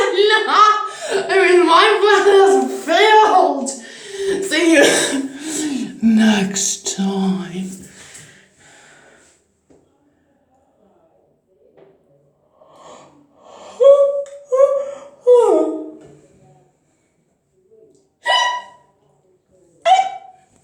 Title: i was laughing but in hiccups